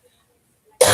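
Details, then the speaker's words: After near silence, one sudden harsh, dry cough cut off: a chronic acid reflux cough present for several years in an adult with gastroparesis, recorded during an at-home esophageal pressure and muscle study. "assume because I have gastroparesis and you hear that cough. I've had it for several years. That's not a smoker's cough and that's not a flu cough and that's not COVID or any other thing. It's an acid reflux cough, believe it or not."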